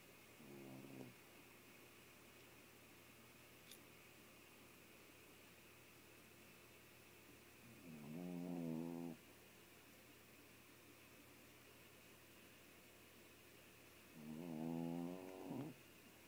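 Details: Sleeping pet snoring loudly in the morning, like a chainsaw: rattling snores about every six seconds over a steady room hum.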